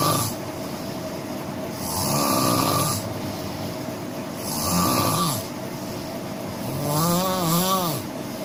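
Three loud rumbling snores on breathing in, about one every 2.5 seconds, over steady background hum: snoring from vibrating throat tissue during sleep.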